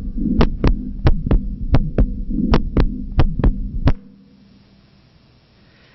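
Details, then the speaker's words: A four-year-old child's regular heartbeat near 90 a minute with a soft, low, humming systolic Still's murmur, an innocent vibratory murmur that decreased when the child stood up; breathing audible. "so I hope that you would agree with me that the heart murmur decreased when the child uh stood up"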